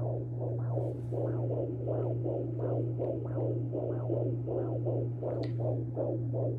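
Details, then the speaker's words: At-home Doppler on a pregnant woman at 19 weeks, almost 20, with a male fetus who is moving: rapid whooshing pulses over a steady electrical hum; normal fetal heartbeat on Doppler. "we got a doppler so we've been able to hear him i'll insert a clip of his heartbeat right here at home tell me when i if i put too much pressure"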